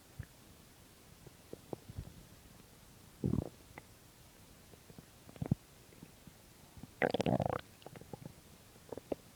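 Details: Stomach growling recorded on an empty stomach: scattered gurgles and two longer rumbling growls from the abdomen in a quiet room, normal bowel sounds.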